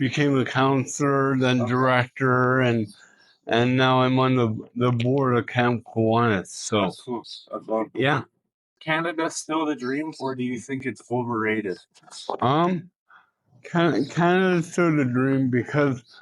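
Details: Adult man with cerebral palsy, an Olympian and professional speaker, in a spontaneous street interview; speech with cerebral palsy (mild dysarthria).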